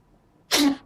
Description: The cat got tired of sneezing many times in a row